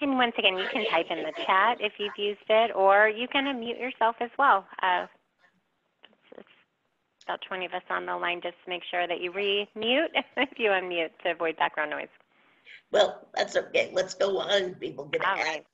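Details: Adult woman speaking, likely over a call line; normal voice.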